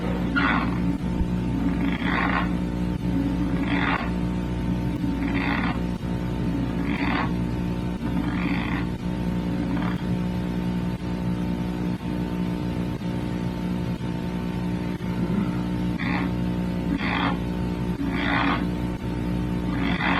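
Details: Sleep bruxism patients observed during sleep in a Montreal university study of nocturnal bruxism types and intensities: repeated short gritty grinding bursts over steady electrical hum.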